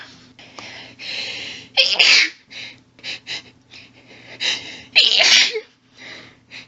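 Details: Female stifling her sneezes, which sets off an intense rapid fit of about eight or nine stifled sneezes with heavy hitching breaths and two louder bursts; she could barely get enough air.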